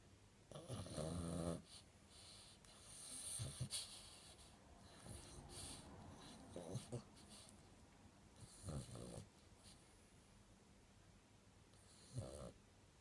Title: Snoring dreaming Chihuahua returns....